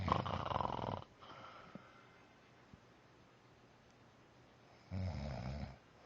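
Two loud, rough, rattling snores separated by a quiet pause, in a quiet room; ordinary adult snoring.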